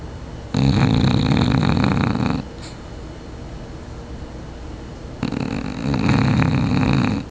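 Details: Two long, loud, rattling snores separated by a quieter pause, from a Bulldog sleeping on a hotel couch; snoring.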